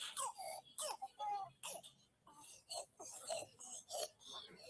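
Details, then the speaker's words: Young child with croup (acute laryngitis) gives repeated harsh, barking coughs with a slight inspiratory stridor and noisy, crying-like breaths in between. "é certo dizer que tem uma tosse a segunda tosse que ela tem até um estridor Zinho junto né que ele fica assim ele tosse ó essa aqui"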